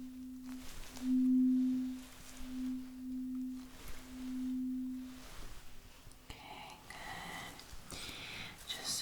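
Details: Role-played ASMR hearing test, simulated, on a patient reporting sound sensitivity and ear discomfort: several pure, steady tuning fork hums that swell and fade, then rustling, checking whether it sounds equal on both sides.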